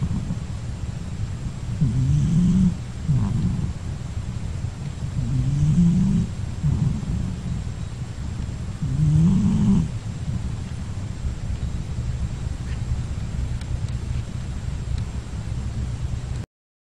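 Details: Pet cat sleeping after the night before midday nap; soft, low rumbling snores repeating about every three to four seconds over steady background hiss.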